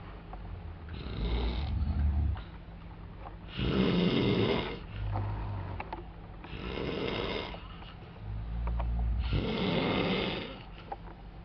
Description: Two snoring asian guys at my hostel in Cologne!